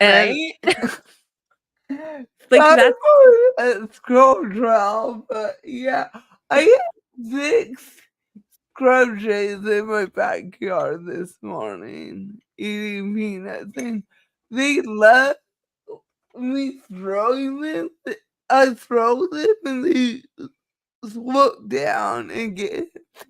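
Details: Dysarthria due to cerebral palsy in a female speaker, who states it is why she talks this way and that nothing can be done about it.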